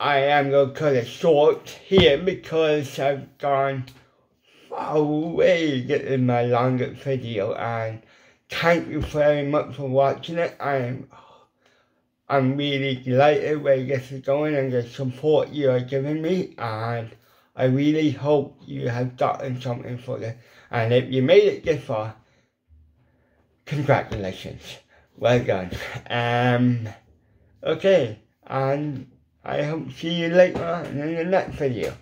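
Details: Adult man with ataxic cerebral palsy, also with involuntary hand shake and epilepsy, whose lip muscles are paralysed and weak; a lifelong speech impediment, once understood only by his mother in childhood: dysarthria (cerebral palsy)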